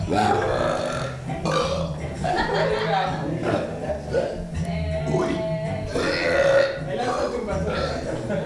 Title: some burps